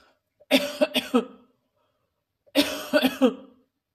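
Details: An adult man gives two bouts of coughing, each a quick run of about four harsh coughs.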